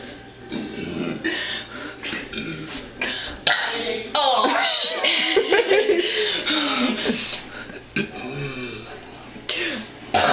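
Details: Loud, drawn-out, voiced belches in quick succession from a woman, with some background noise: deliberate, repeated burping.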